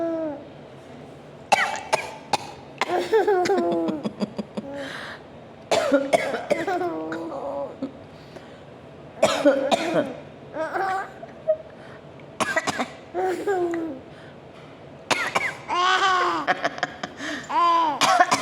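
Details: Several bursts of coughing from a person alternating with a small baby's high giggles and laughter at the cough.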